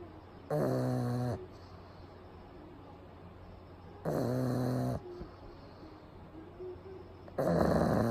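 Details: Pug sleeping during a daytime nap with eyes rolled back showing the whites, recorded close up; loud, rattling inspiratory snores about 17 a minute with quiet room noise between.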